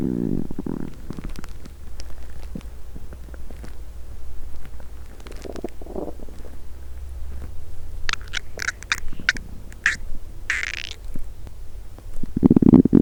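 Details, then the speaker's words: Loud borborygmi recorded with a microphone on an adult woman's abdomen the day after finishing a 7-day fast: low gurgling, rumbling and squeaky bubbling from intense hunger early on, which stopped after about 20 minutes. "The sound of my intense hunger roared early on. Record for 1 hour. After this, an intense my hunger growls."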